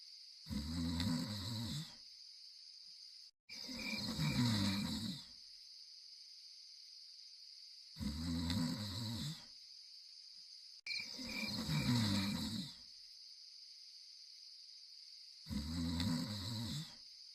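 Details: Two sleepers snoring: loud rattling snores with each in-breath, about 16 a minute, separated by quiet pauses, over a steady high hiss.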